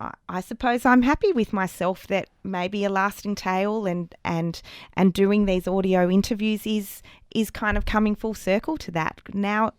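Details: Adult woman in an interview who still stutters, much worse as a child, with audible word repetitions; stuttering.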